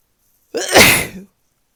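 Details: One sharp, explosive sneeze with a brief breath in before it, in a quiet room, on waking in the morning; the person guesses they are sick again. Sneeze.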